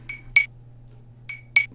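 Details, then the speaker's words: Android metronome app set to 50 per minute, the rate for newborn ventilations alone without compressions, for neonatal resuscitation training: paired bright ticks repeating at that pace. "minute this is if you were doing ventilations on a newborn ventilations alone without compressions"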